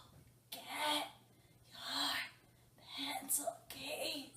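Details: Acted demonstration of breathy voice, a voice disorder.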